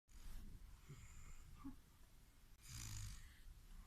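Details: Soft, low, faintly rattling snoring on breaths with a small snort, from a person sleeping.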